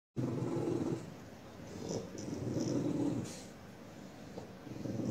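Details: A 7.5-year-old white French bulldog with a gecko on his nostrils growls, flares his nostrils and tries not to sneeze; low, rough, rattling nasal snorts repeat in irregular runs, like noisy snoring-type breathing.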